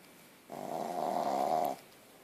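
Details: 9-month-old puppy with very large tonsils: one drawn-out, buzzing snore lasting just over a second on a single breath; snoring.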